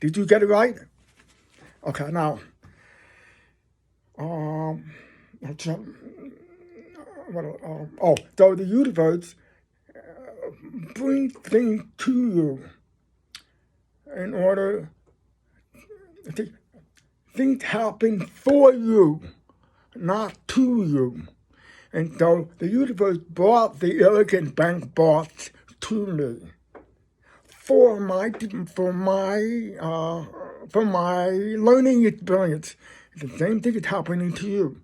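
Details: Adult man who is deaf and describes his own speech as a deaf voice; deaf speech.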